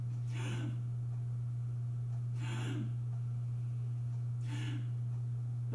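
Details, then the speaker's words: Three slow, irregular gasping snorts about two seconds apart, a deliberately loud imitation of agonal breathing in cardiac arrest; the person is not actually breathing and needs CPR. "When you hear the sound, the person is actually not breathing. I know it complicates the situation, but unfortunately, you just have to recognize it."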